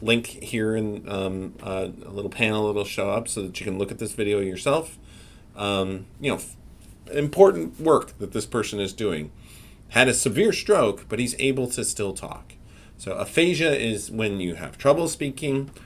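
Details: Adult male speaker; normal speech.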